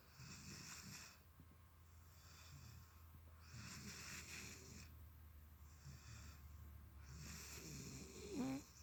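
Deep, loud rasping snores with whistly exhales, about three breaths in nine seconds, over low room hum; dog snoring.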